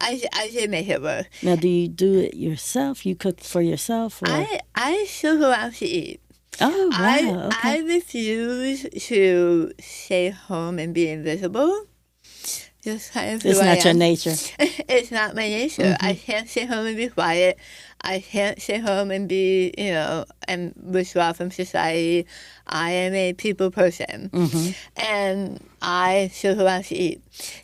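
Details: Adult woman with stage 4 right-sided tongue squamous cell carcinoma diagnosed December 2021, treated with removal of over half her tongue, arm skin flap reconstruction, neck dissection, tracheotomy, radiation, chemotherapy and speech therapy; altered articulation after partial glossectomy.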